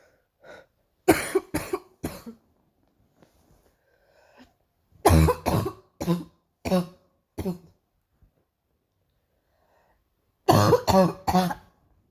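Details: Painful morning cough: three bouts of harsh, deep coughing, about twelve coughs in all, with breaths between bouts.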